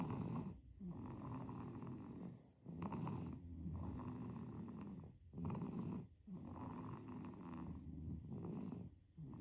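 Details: Sleeping infant with soft, rough rattling breaths in and out with brief pauses, about 20 a minute; infant snoring.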